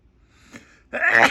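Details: Self-induced sneezing after a tickling nose, in a room: a quick catching in-breath then a loud, forceful voiced burst, a single violent sneeze.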